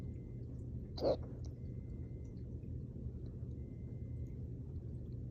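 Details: One brief, throaty burst over a steady low room hum, a small belch after an intense workout and drinking water too fast, before hiccups began.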